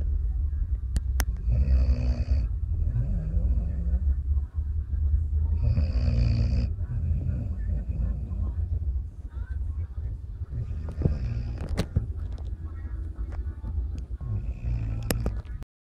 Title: snoring dog